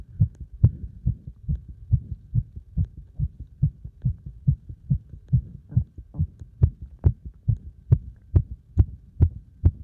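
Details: Fast, forceful, regular heartbeat at roughly 135 beats a minute, a heart pounding under heavy exercise load; normal sinus tachycardia after exercise.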